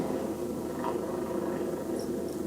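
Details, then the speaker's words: Needle EMG speaker output while the patient pushes the arm against the examiner's resistance: dense, crackling static of normal voluntary motor unit potentials, after a near-silent needle recording at rest. "the actual voluntary motor unit potentials that we're recording. And then go ahead and push down. So that's a sound in the background that you're hearing."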